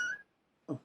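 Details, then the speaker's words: A man speaking on camera gives a brief high whistling breath, a wheeze, then a pause and the start of speech, and apologizes for the wheezing. "sorry if you can hear me wheezing there."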